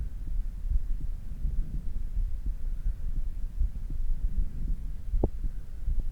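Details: Normal heart sounds after exercise, gradually returning to a normal beat: fast, muffled low thumps under heavy rumble, settling back toward resting rate.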